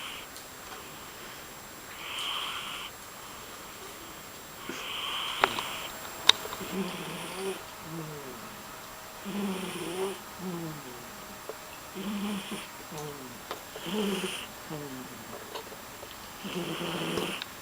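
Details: Repeated soft snores with a light whistling edge, about eight breaths over seventeen seconds, from a sleeping cat; snoring.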